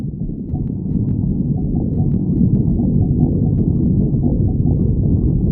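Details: Stomach growling (borborygmi) from a badger.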